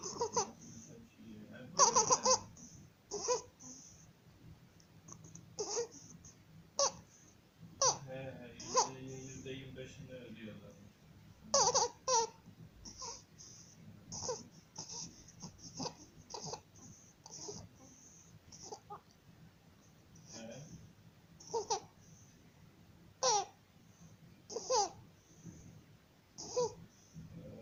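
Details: A 50-day-old baby with laryngomalacia makes repeated harsh, noisy intakes of breath, some high and crowing; inspiratory stridor.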